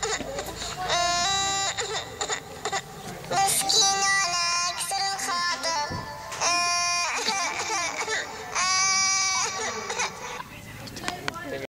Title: baby crying deeply